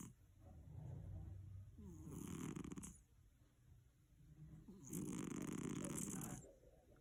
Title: Snoring Cat Mickey : This will blow your mind